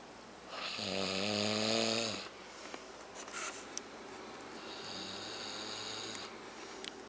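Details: Man snoring heavily during sleep: one loud, rough, buzzing snore on the in-breath, then a softer second snore.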